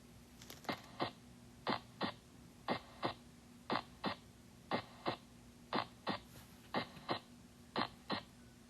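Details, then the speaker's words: Teaching example of normal heart sounds: regular paired sounds about 60 a minute, S1 followed by a single crisp S2; normal S1 and non-split S2. "and this is what a little sound like in practice first we'll listen to an s-1 and a non split s2"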